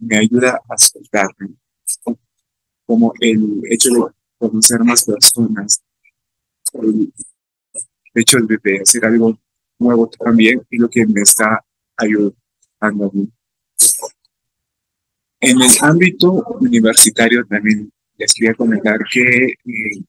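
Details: Stuttering in an adult male Spanish-speaking student who stutters, recorded giving a talk about his own stuttering experience at a stuttering festival.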